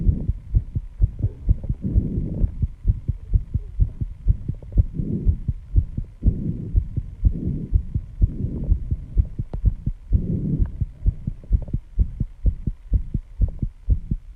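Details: Fast, pounding heartbeat at 134 bpm after intense exercise, with heavy breathing between beats; loud enough to hear without the microphone at first. Sinus tachycardia after exercise.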